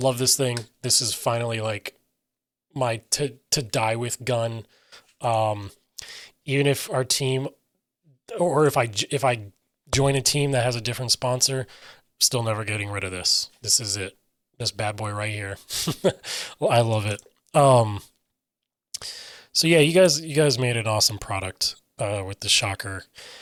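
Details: Adult man with self-reported aphasia; aphasia.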